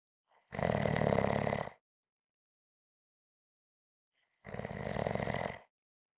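Two long, rough, rattling snores about four seconds apart, with silence between; loud snoring.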